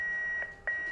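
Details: Defibrillator tone: a steady high electronic tone, briefly interrupted and then resuming, from a defibrillator in a veterinary CPR demonstration reviewing defibrillator use for resuscitation.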